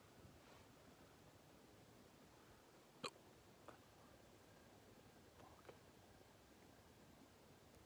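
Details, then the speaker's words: Sudden short hiccups, one sharp and a few fainter, from an adult outdoors at night with quiet background noise; ordinary hiccups. "The moon. Yo. Yeah, I got the hiccups, yo."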